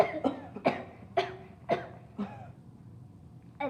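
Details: Acted comedy skit: a child gives a quick series of about five short voiced coughs while pretending to catch "the cough cough virus"; simulated cough.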